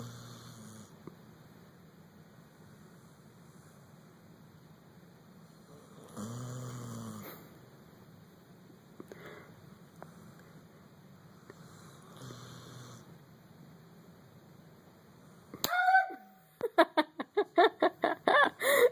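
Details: Sleeping animal snoring: soft, low snores every few seconds, then sudden loud, rapid, sharp sounds as it wakes startled; snoring.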